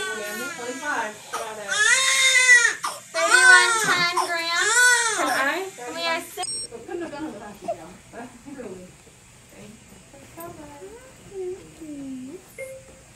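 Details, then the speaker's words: Loud, strong wailing then quieter whimpers from a newborn boy just after an induced, unmedicated (no epidural) delivery at 38 weeks, a third child, with adult voices and room noise; vigorous newborn cry. "Not missing the third one. He came out hollering."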